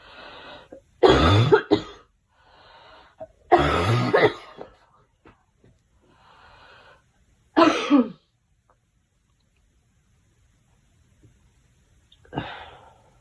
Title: Girl Coughing 343